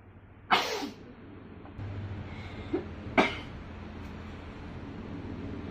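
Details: Two forceful sneezes a few seconds apart with a small nasal snort between them, over faint background noise; sneezing.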